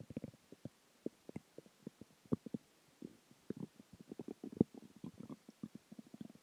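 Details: Stomach growling (borborygmi) after dinner, water and gas: irregular gurgling, bubbling and rumbling bowel sounds from gas and fluid moving through the gut.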